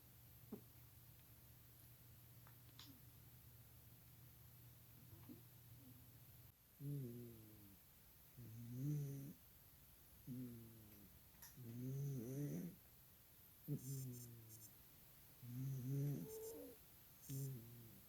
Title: taco, the cat, snores